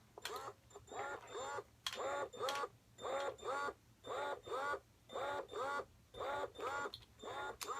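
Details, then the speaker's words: Electric breast pumps (Medela Freestyle, Ameda Purely Yours, Spectra S2, others) running in letdown and expression modes without skin contact, rhythmic whirring pulses about once a second with faint electrical hum: breast pump running. "today I'm going to show you five breast pumps back-to-back to let you see how their noise level compares"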